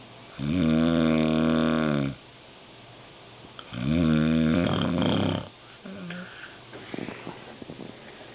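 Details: Adult man (dad) snoring, keeping his partner awake: two loud, long, buzzing inhaled snores a few seconds apart, then softer breathing and rustling; heavy snoring during sleep.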